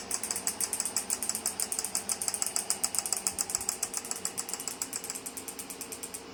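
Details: Physiwave MT685 dual-handle 6T magnetic physiotherapy device for pain relief, operating after frequency, intensity, time and treatment area are set; rapid steady clicking pulses about 3–4 per second; magnetic physiotherapy device pulsing.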